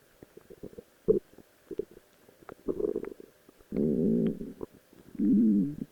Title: My Stomach Growling while in a Rose Cosplay Outfit